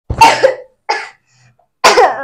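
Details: Three short, harsh coughs from a young child in a quiet room, acted for a home cold-and-cough remedy demonstration. Cough.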